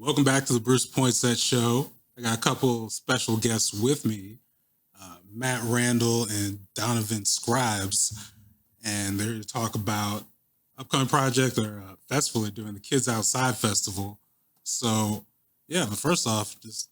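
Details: Adult male speaker; Normal adult male speech.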